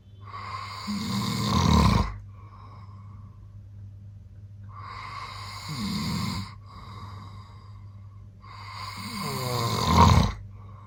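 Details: An adult man, the father, recorded snoring in his sleep without knowing: three loud, rumbling snores about every four seconds, each ending in a rough, rattling peak, with quiet breaths between; heavy snoring.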